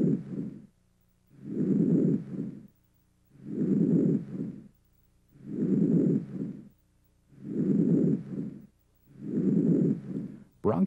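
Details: Healthy patient's chest examination: soft, low-pitched rustling breaths, about 30 a minute, longer on inspiration and fading early in expiration; normal vesicular breath sounds.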